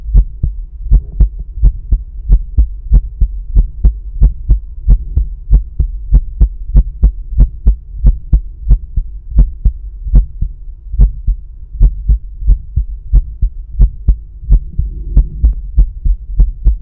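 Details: Self-recorded stethoscope at the pulmonic area during breath holds with a visible carotid pulse: steady, regular heartbeat thumps over a low background hum, normal heart sounds.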